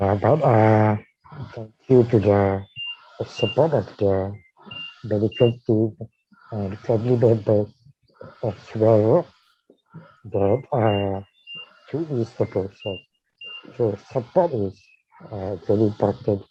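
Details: Dysarthria in a man with ALS diagnosed in 2018 and tracheostomised in late September of the previous year.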